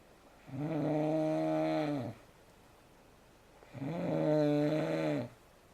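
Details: Loud heavy snoring in bed during sleep: two long droning snores, each over a second, separated by quiet pauses.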